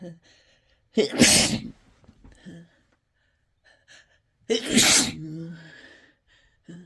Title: Really desperate, harsh sneezes